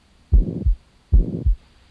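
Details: Heart murmur on chest auscultation while the neck pulse is felt, with the patient sitting forward, taking deep breaths and holding them, then rolled onto the left side.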